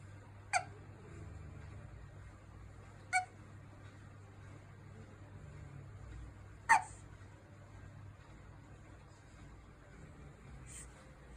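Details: Three sharp, brief hiccup sounds at irregular intervals over a low room hum from a newborn baby; infant hiccups.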